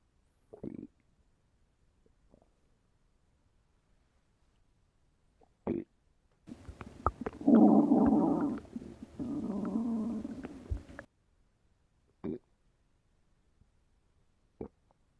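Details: Fictional animated scene: the character Bumblebee's upset fuel tank gurgles and growls while he lies in a field. Brief scattered gurgles, then a long rumbling, bubbling run; stomach rumbling.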